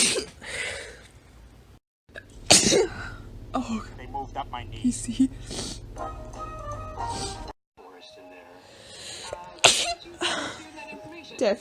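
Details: Person sneezing repeatedly: a couple of sharp, explosive sneezes among short bursts of sound, with music and talk in the background.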